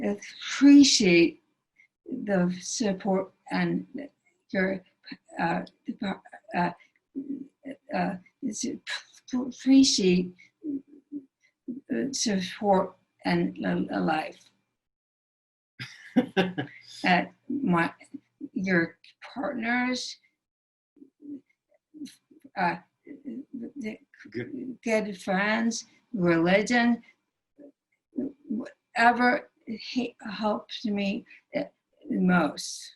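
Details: Woman with aphasia after a stroke that took away all of her speech, still finding speaking very difficult, with a non-working right arm and hand and a limp, speaking in a talk; aphasia.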